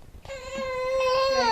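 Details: Baby girl crying: a single sustained infant wail, steady in pitch and growing louder after a brief quiet start.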